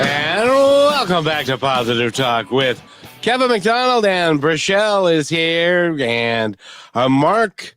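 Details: Adult speaker; typical speech.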